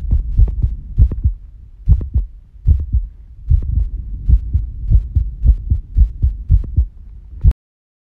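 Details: Female heartbeat during recovery after squats: strong, regular low thumps at roughly 130 beats per minute, easing slightly; normal fast post-exercise heartbeat.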